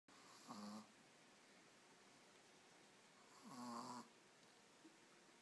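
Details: Teacup poodle snoring while asleep: two soft, whistling, buzzing snores about three seconds apart against quiet room noise.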